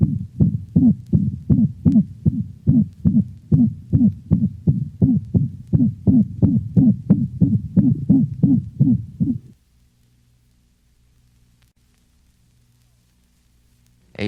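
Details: Dog with a systolic whoop: rapid heartbeat with a musical, hooting murmur in each beat.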